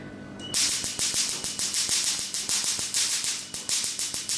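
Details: Rapid sharp snapping clicks, two to three per second, from a Q-switched Nd:YAG laser firing in quick succession at higher frequency, 532 nm mentioned, during a treatment demonstration; Q-switched laser firing.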